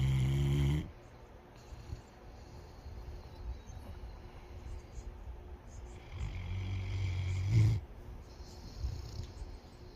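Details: Snoring during sleep, said to be as loud as the owner's: low rumbling snores, two loud breaths about six seconds apart, with quieter breathing between.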